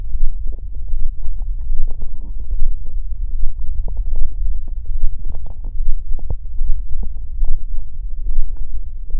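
Continuous low gurgling and rumbling with irregular bubbling pops, typical of a growling stomach; ordinary bowel sounds.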